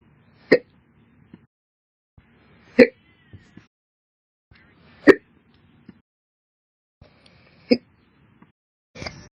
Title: 8/31/21, Slow Hiccups Updated